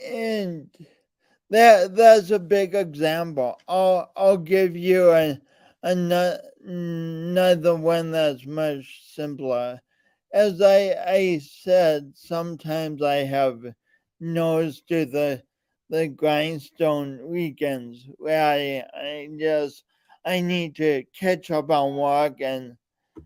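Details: Man with a speech impediment present since birth and still ongoing, alongside lifelong coordination differences; speech impediment with disfluent speech.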